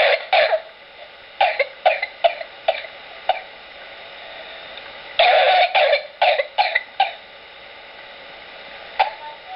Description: A short slideshow discussing Pertussis (whooping cough) Included are actual patient coughs.